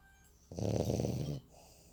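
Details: Sleeping female dog snoring: a single low, buzzing snore lasting about a second; ordinary snoring.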